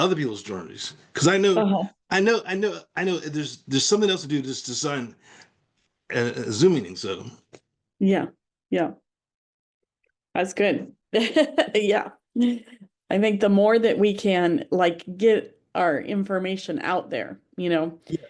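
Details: Aphasia in a man after a stroke.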